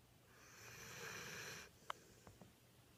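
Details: Boxer–German Pointer mix puppy napping, often on her back or with her head on a pillow, not waking when called: a single long, hissing, rattly breath, then a soft snort and small clicks; snoring.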